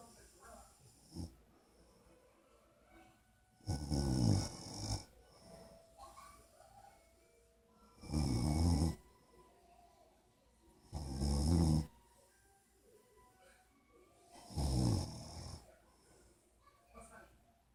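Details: Golden Retriever and his owner napping and snoring together: deep, rattling snores about every three to four seconds, roughly 19 a minute, with softer breathing sounds between them.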